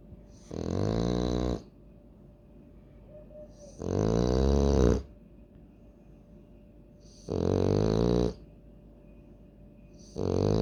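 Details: French Bulldog snoring: loud, buzzing, rattling snores on each breath in, about every three seconds (roughly 20 breaths a minute), over a quiet room hum; heavy snoring.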